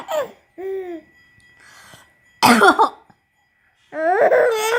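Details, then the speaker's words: Elderly grandmother's couple of short cough bursts with an infant's bright laughter in between, infant mistaking coughing for play; plain cough. "Batuk, nenek mah batuk. Batuk bukan bercanda. Bukan ngajak bercanda, batuk nenek mah."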